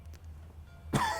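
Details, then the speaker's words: Adult man with a lingering wheezing cough while narrating a model railroad session: a single short, throaty cough after a quiet pause, with faint room hum; cough. "Sorry, I still got this little wheezing cough going on here."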